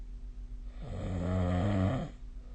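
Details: Sleep snoring recorded with a snoring app: a single low buzzing snore over a second long, over a steady low room hum.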